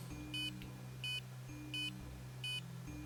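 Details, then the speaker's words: Hylogy HD-MD10 fingertip pulse oximeter: short regular electronic beeps, one per heartbeat, about 86 a minute, synchronized with the pulse display; pulse oximeter pulse beep. "le graff dynamique tout en bas et le coeur qui dînent hôtes et qui synchronise avec un bip sonore"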